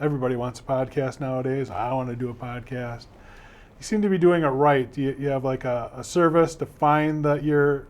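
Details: Adult male speaker; Normal conversational speech.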